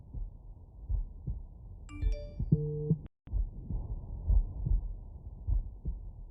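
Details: Normal heart sounds on stethoscope auscultation over the mitral valve area, with the subject lying on the right side.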